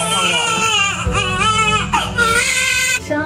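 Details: Loud, strong, sustained crying of a newborn boy after vaginal birth, 51 cm long, being dressed by a nurse: clear high-pitched voice with brief catches for breath; vigorous normal cry.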